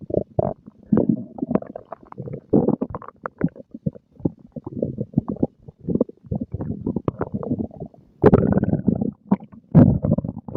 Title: Stomach growling and gurgling after breakfast